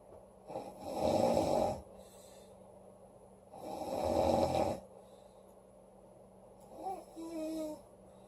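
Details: Woman snoring loudly during sleep: two loud rattling snores about three seconds apart, then a softer, whistling one.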